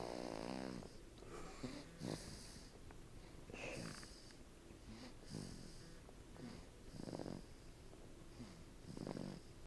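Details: Snoring during sleep: rhythmic rattling, snorting breaths roughly every two seconds, about 35 a minute, with faint whistly tones.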